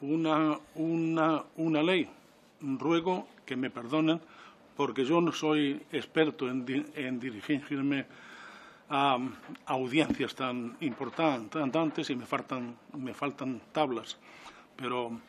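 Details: 69-year-old man with self-reported stuttering, speaking publicly in person before a parliamentary disability commission; he says stuttering makes him take longer to say things than to think them; stuttering.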